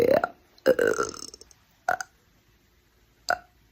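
A series of four voiced burps, the second drawn out and fading, the last two short and clipped.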